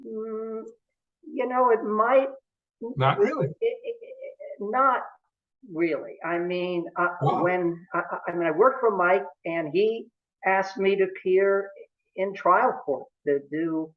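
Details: Adult male who has stuttered since about age 2 or 3, with family history of stuttering in father and brother; stuttering.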